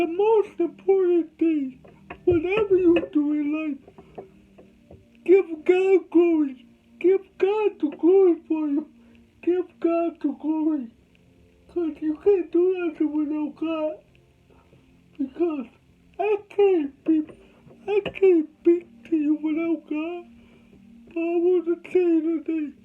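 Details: Adult man with cerebral palsy, told he would never talk, with soft background music: dysarthria (cerebral palsy).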